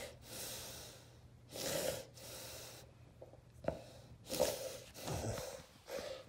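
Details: Irregular loud gasping, snorting respirations with quieter pauses during a real generalized tonic-clonic (grand mal) seizure in an adult man with epilepsy, kept lying on his side; déjà vu aura preceded it.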